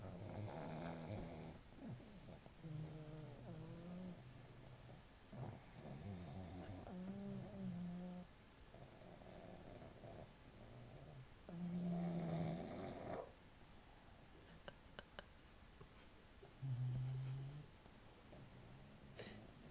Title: my snoring pug bruzer